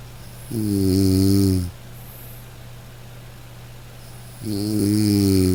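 Two long, loud, buzzing snores about four seconds apart, each lasting over a second, with quiet between; ordinary snoring.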